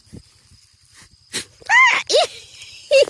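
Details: Goat sneeze: a short, sharp snorting sneeze, followed by a person's brief voiced reaction.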